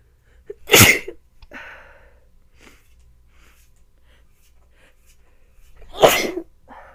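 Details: Sneezing in a person with a sore, scratchy throat at what seems to be the start of a bad cold, sneezing repeatedly all evening: two loud, explosive sneezes several seconds apart, each preceded by a sharp indrawn breath.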